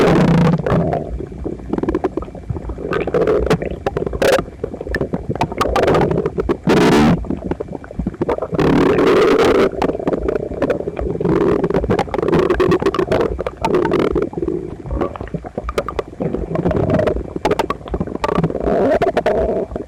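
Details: Loud, continuous abdominal gurgling and rumbling with bubbling bursts, phone pressed to the belly of a visibly uncomfortable person a few minutes into digesting a breakfast of toast, eggs and milk: loud bowel sounds (borborygmi).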